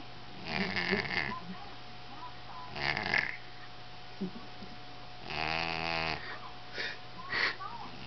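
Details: Pet cat, which later died aged 13, snoring louder than normal: loud, rasping snores every few seconds, one with a buzzy flutter, over a steady low hum.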